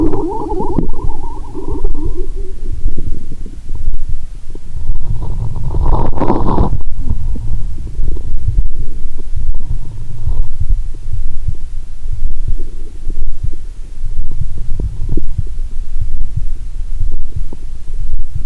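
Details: Lying down, stethoscope on a gas-distended belly after drinking cola and swallowing Mentos: continuous low gurgling and rumbling; active bowel sounds.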